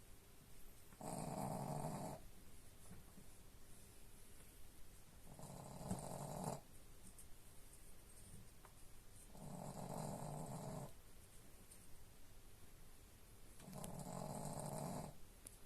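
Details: Sleeping dog snoring: slow, rough snores about every four seconds against quiet room noise.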